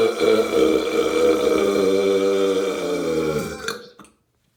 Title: Some burps